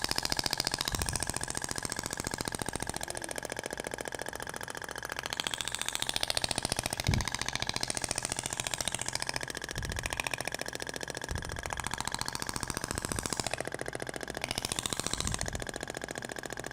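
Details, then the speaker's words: Radial shock wave (ESWT) applicator with a different tip material, sound differs from polyacetal tip, moved across abdomen avoiding umbilical scar: rapid regular clicking pulses, about 214 a minute, with room noise and brief applause. "agora vai pro outro sentido até o barulho é diferente da pompea de poliacetal pra inotes"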